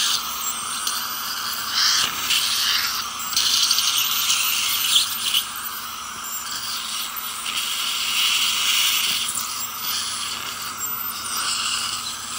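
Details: High, steady hiss and whine with water spray, rising and falling as the tip works along the teeth; an ultrasonic scaler removing giant tartar and stain during dental scaling.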